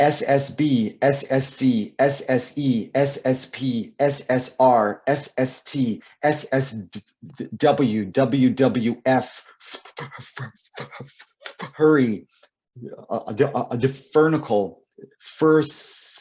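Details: Adult male author and poet who describes himself as a person who stutters; repeated words and fillers; stuttering.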